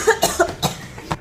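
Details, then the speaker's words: Acted demonstration in a cough etiquette campaign showing the wrong habit of uncovered coughing: a few sharp, deliberate voluntary coughs into the open air, with some room noise behind. "Oke buat lo yang masih punya kebiasaan batuk Kayak gini salah"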